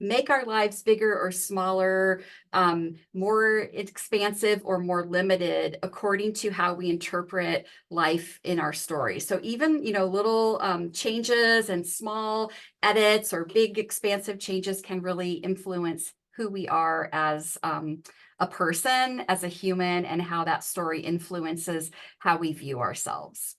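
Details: Adult woman speaking; normal speech.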